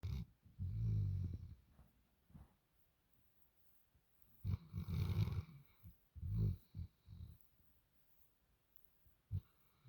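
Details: Sleeping dog snoring: low rumbling snores with quiet pauses between breaths; ordinary snoring.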